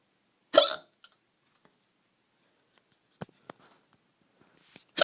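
Two sharp, abrupt hiccup sounds about four seconds apart with faint clicks between, in a quiet room; hiccups.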